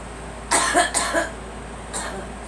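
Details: Young girl, urged to sit up and let it out, gives a short run of three or four quick, harsh coughs, then a fainter one, over background hum.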